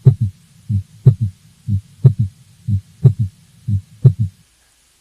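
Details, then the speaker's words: Teaching example of an S3, loudest at the apex: regular heartbeat about 60 a minute with a soft low thud right after S2, "Kentucky" rhythm: third heart sound (S3 gallop). "try to listen for a heart sound that comes right after s2 some people remember this sound as following the pattern of kentucky so it's kentucky the ken is the s1 the tucky is the s2 and s3 together"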